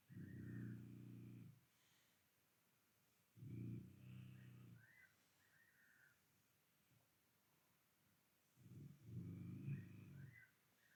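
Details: Slow, regular rumbling snores with long pauses, about four breaths a minute, heard outdoors at night alongside chirping nightjar calls; snoring.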